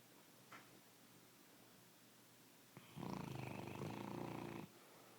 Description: my bloodhound snoring